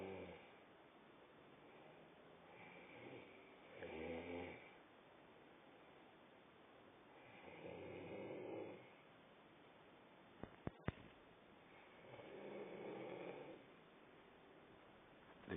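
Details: Sleeping girl snoring: soft rhythmic snoring, about four rasping, noisy inhalations every four seconds, with a couple of brief clicks in a quiet room.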